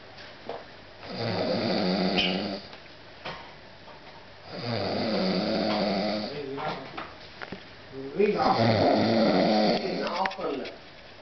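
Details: Very loud snoring that prevented sleep: long, rough snores with a deep rattling quality, each about two seconds long, roughly every three to four seconds.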